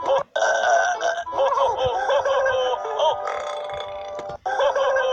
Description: Pingu and his family burps